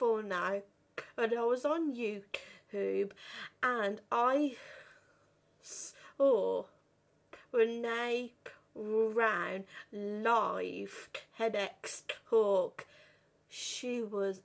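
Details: 32-year-old woman who has stuttered since about age five or six, worst on the phone, had speech therapy and breathing techniques at 15; stuttering.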